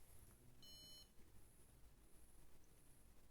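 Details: A brief high electronic beep from a MyoSmart sleep-bruxism alarm, triggered manually as a test; the device monitors masseter muscle activity and vibrates and beeps when it exceeds normal. Low room hum.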